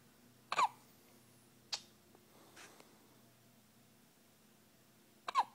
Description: Our little lovebug has the hiccups but is sound asleep!!!